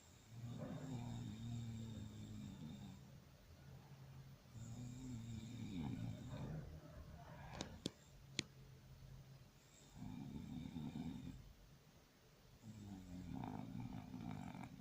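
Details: Rhythmic low, rattling snores from a sleeping dog, about four in fifteen seconds, with a couple of sharp clicks.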